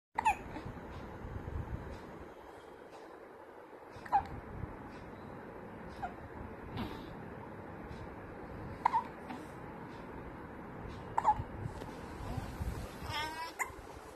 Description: My cute baby 😘 hiccups compilation